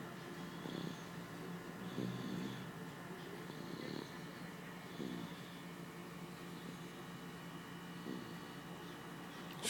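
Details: Mild snoring: soft, low snuffling snores roughly every two to three seconds under a steady background hum.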